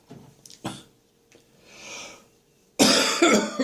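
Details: Morning after waking, with catarrh still in chest and throat: throat clearing and a breath, then a loud, harsh, rattly wet cough clearing mucus; productive cough with throat clearing.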